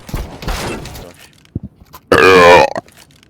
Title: 1:46 seconds of burping on CS2 [1]